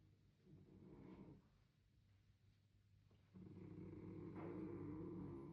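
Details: Father's snoring heard while a Bernese Mountain Dog sleeps nearby: low, rumbling vibration in sleep breathing, a short burst then a longer, louder one in a quiet room.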